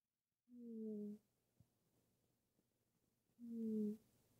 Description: I caught our cat Hobbes snoring. (Works best with ear buds)